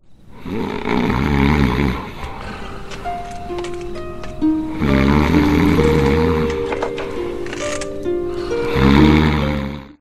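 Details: Film scene (A Serious Man) in which a man cannot sleep while his brother snores; acted snoring.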